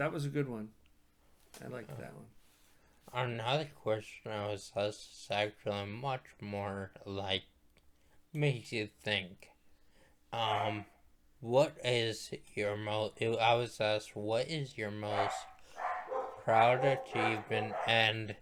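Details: Dysarthria after stroke in a male stroke survivor, who attributes his voice to his stroke and also had past brain surgery for a brain tumor.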